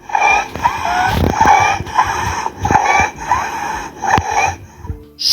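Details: Harsh, high-pitched crowing noise with each breath, about 45 a minute: stridor from subglottic upper-airway narrowing in croup, a viral infection of children aged 6–36 months; stridor at rest indicates severe airway obstruction.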